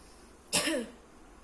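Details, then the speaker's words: Chest physiotherapy nursing practice: demonstration of effective coughing, one strong, open, breathy huff cough to bring up secretions into a sputum pot, done after postural drainage, percussion and vibration. "Hai misalkan untuk batuknya sedikit agak kuat agar secretnya bisa keluar dengan baik"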